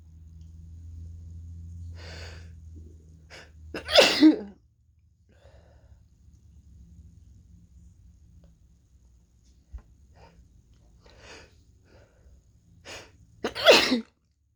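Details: Two forceful sneezes about ten seconds apart, each preceded by a sharp in-breath, in a quiet room; sneezing from someone sick for several days, possibly with a cold.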